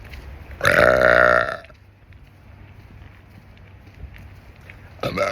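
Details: One long, loud, croaking burp from a person walking on an outdoor nature trail, with outdoor background noise.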